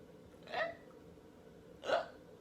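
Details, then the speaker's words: Hiccups in a person sitting down, recorded while showing a remedy of holding the breath, swallowing water and leaning forward: two abrupt, sharp gulping sounds about 1.3 seconds apart over quiet room noise. "no i have the hiccups what do i do water hold your breath and drink it okay see that's the sound it makes when your hiccup dies"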